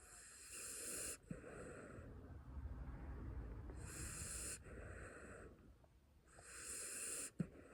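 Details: A sleeping puppy makes slow breaths, about 20 a minute, each with a soft hissing whistle and a low rumbling snore: puppy snoring.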